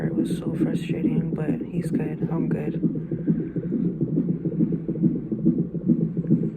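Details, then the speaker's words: Fetal heartbeat of a baby boy on a fetal monitor during a 30-minute monitoring session, baby possibly arriving early: rapid rhythmic galloping whooshes about 140 beats a minute, described as good and strong. "you can hear his heartbeat it's good it's strong"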